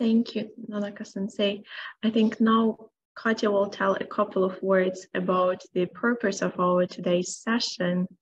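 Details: Adult woman speaking; normal voice.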